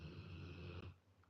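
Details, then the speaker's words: Loud snoring from a sleeping dog, tired out after moaning all night: low rumbling, fluttering snore with one long breath sound fading out. "Yeah, it's my dog snoring. Can you hear how loud he is?"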